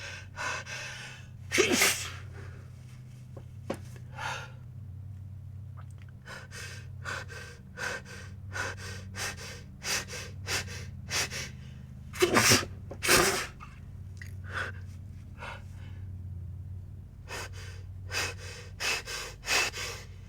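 Several sneezes, each with a sharp burst, some preceded by gasping build-up breaths, over a steady low room hum.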